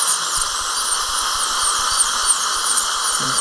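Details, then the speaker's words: High-speed dental air drill with a steady high-pitched whine, sectioning a horizontally impacted lower wisdom tooth during a surgical extraction in a live seminar demonstration, cutting upward and described as safe. "이렇게 올려서 그냥 올려서 자르는 거는 뭐 그냥 부담없이 자르셔도 돼요 왜 어차피 안전하니까 그죠"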